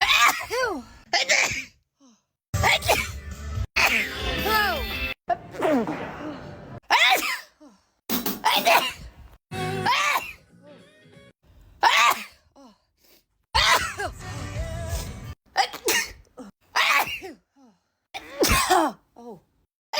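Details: Back-to-back sneezes: repeated sharp sneeze bursts in quick succession, with music playing behind, followed by coughing, laughter and snorting; a bout of sneezing.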